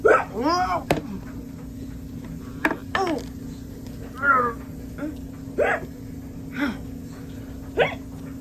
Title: Hiccups Part 1